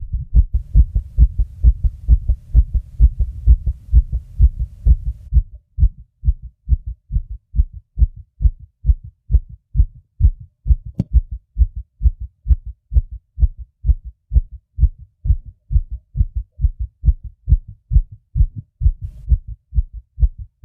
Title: my fast heartbeat sounds